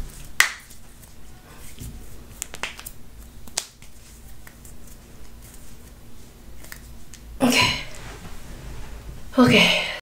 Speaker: let me crack my toes ready okay let's grab this doll